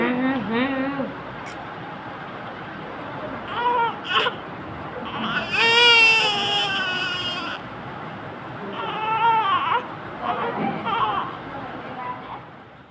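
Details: Healthy newborn just after birth: repeated strong, rising and falling cries with some room noise; a normal vigorous newborn cry.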